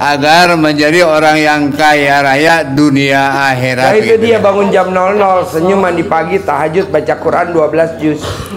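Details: Adult male speaker; normal speech.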